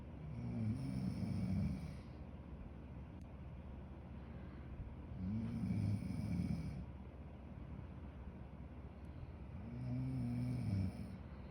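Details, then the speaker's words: Snoring from a sleeping woman, recorded at night by her boyfriend. "oyeron mañana se lo voy a enseñar para que vea que también ella ronca y ya no me moleste que yo soy el que ronca todas las noches"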